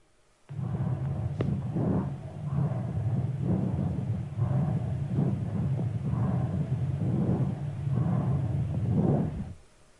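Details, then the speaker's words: Soft, low rustling normal vesicular breath sounds heard at the right lung base of a 5-year-old child, with no added sounds. "la troisième séquence vous faites entendre les bruits respiratoires normaux perçu à la base droite chez un enfant de 5 ans"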